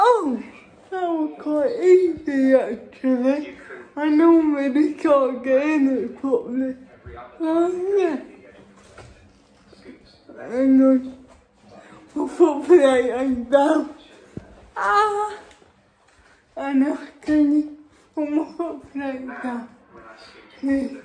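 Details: Real female adult with cerebral palsy, feeding herself with a Neater Eater feeding device for the first time without help; a speech disorder is inferred, not stated: dysarthria (cerebral palsy).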